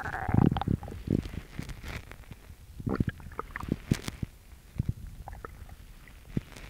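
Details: Gurgling, bubbling stomach growls with squelching pops, loud at first then quieter, from a girl with an upset stomach; bowel sounds of stomach growling.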